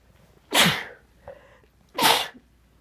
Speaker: Oh man. I still have to sneeze. How is that even possible?